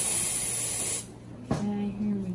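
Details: Vapocoolant cold spray on the toe of a man with a toenail ingrown on both sides and early ram's horn nail, before local anesthetic injection: about one second of steady hissing spray, then quiet room sounds.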